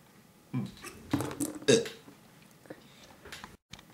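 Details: Three short throaty belch-like bursts close together, then quiet room noise, from someone attempting 100 burps in 20 minutes; burping.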